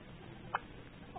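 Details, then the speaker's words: Newborn baby with hiccups: a single brief, soft, click-like catch of breath in a quiet room. "Say hi, baby. Got the hiccups, honey."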